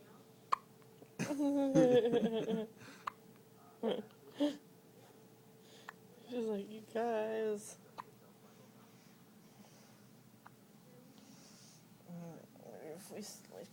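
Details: Newborn baby at birth with hiccups: soft infant squeaks and brief catches between adult talk in a quiet room; newborn hiccups.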